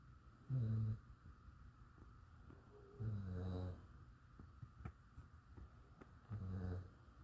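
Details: Snoring, likely a sleeping dog: three deep, rumbling snores about three seconds apart, roughly 20 breaths a minute, with quiet breathing between.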